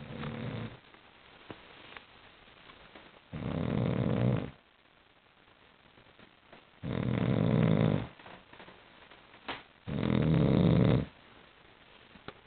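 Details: Sleeping dog snoring: loud rumbling snores about every three seconds, each lasting a second or more.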